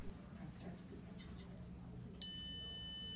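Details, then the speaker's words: Pulse oximeter with sensor clipped on a patient's finger: quiet room noise, then a steady high electronic tone once it detects the pulse waveform, a normal signal. "now turn on the oximeter after you get a pulse waveform and intensity display and an audible beep"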